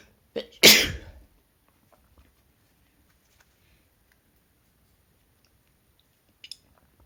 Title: Some uncovered messy sneezing